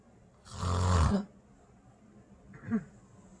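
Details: A woman asleep at night: one loud, deep, rattling inward snore, then a quiet pause and a softer short snort; ordinary heavy snoring.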